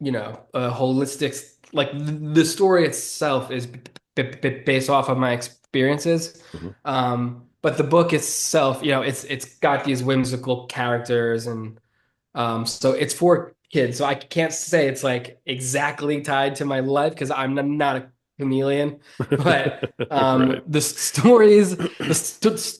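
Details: 33-year-old man with stuttering since about age seven or eight, which he considers predominantly neurological and describes as relatively normal, not severe. Stuttering.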